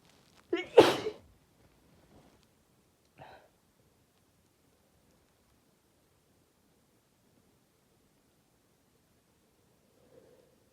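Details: A single sharp sneeze from a female, with a brief intake of breath beforehand, followed by quiet and a faint small sound; sneeze.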